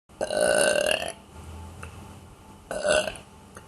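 Two drawn-out, voiced belches with a quiet gap between them; ordinary burping.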